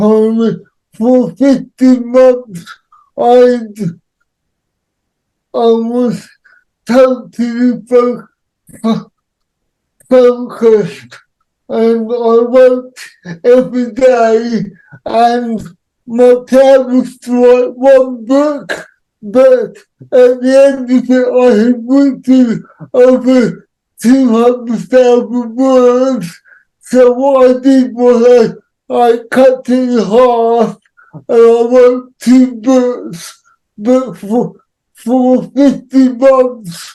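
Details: Adult man with cerebral palsy; dysarthria associated with cerebral palsy.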